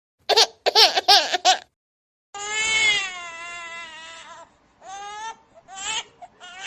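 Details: Infant crying, sound-effect recording: short bursts of crying, then long high-pitched wailing cries with breaks between them.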